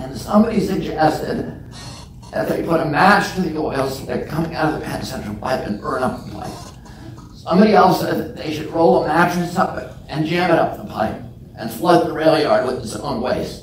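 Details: Adult man with spasmodic dysphonia (self-described as spasmodic dystonia), onset at age 42 after a previously strong voice; he says the voice tremble lessens or goes away after speaking a while and is not painful.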